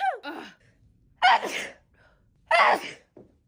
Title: sneeze attack